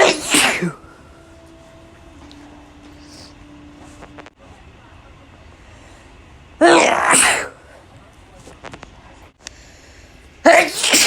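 Three loud, explosive sneezes separated by quiet pauses with faint background noise; ordinary sneezing.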